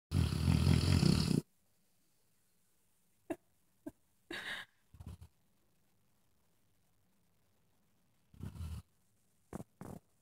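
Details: A sleeping dog makes a loud rumbling snort, then softer, irregular nasal snorts and puffs in a quiet room: ordinary snoring.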